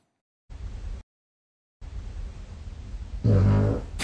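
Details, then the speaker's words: Sleep-sound app recording of an adult man at night: two low, rumbling breath noises, the second ending in a louder buzz, detected as snoring; he is unsure it is snoring. "tiens y'a du ronflement n'avait peut-être devoir mettre un petit peu de produits pour me les voies nasales ou anal je ne sais pas"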